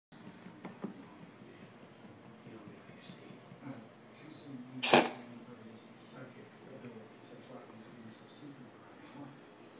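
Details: Coughing episode, the second such episode; the owner does not know what is wrong; cough.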